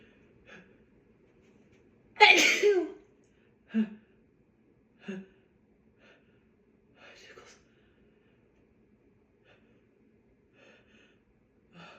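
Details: A woman's allergy sneezing, possibly from nearby hay: one loud, explosive sneeze, then several smaller sneezes and sniffs.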